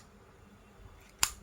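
Quiet room, then a single sharp mechanical click as a finger-prick lancet pen is pulled back and cocked for a blood glucose test.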